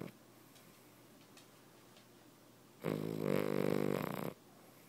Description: Snoring Cavalier King Charles Spaniel